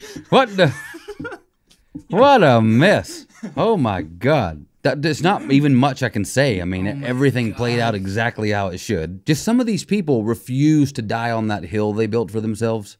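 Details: Adult male speaker; normal speech.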